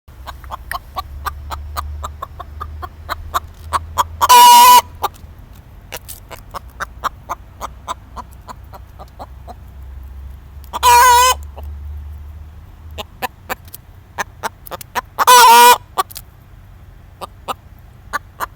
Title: chicken has hiccups